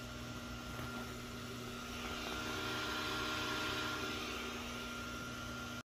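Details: Steady mechanical hum and hiss of a nebulizer compressor running, with a constant tone and no cough, during nebulizer treatment of a dog with tracheal collapse and goose-honk cough.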